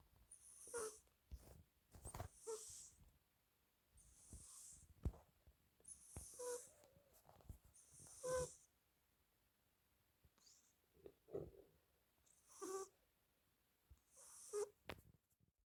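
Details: A sleeping British Shorthair cat snores softly, with faint whistling snores and breathy hisses about every two seconds: snoring.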